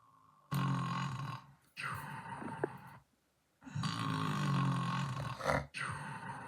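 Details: Long, low rattling grunts in separate bursts with pauses between; a loud snore.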